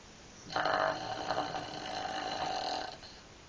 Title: harlem snoring LOL